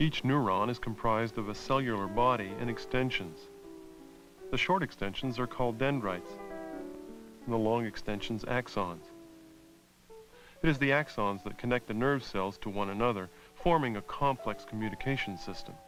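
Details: Adult male narrator; normal speech.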